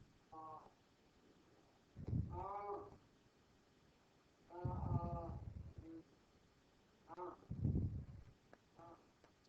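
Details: Adult voice; Disordered voice with short, broken sustained vowel.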